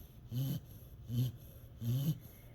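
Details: A sleeping dog snoring after a crash: three low, buzzy, rhythmic breathing noises in quick succession.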